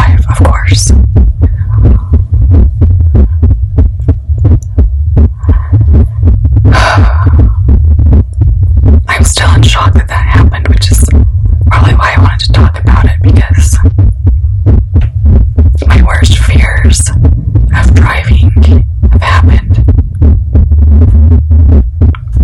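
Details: Normal heartbeat of an adult woman, steady muffled low thumps at about 85 beats a minute with rustling, recorded for ASMR while she talks anxiously about a recent car accident and fear of driving.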